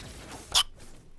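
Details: A single sharp, abrupt hiccup-like burst in a short edited meme clip where each successive hiccup gets faster; hiccup.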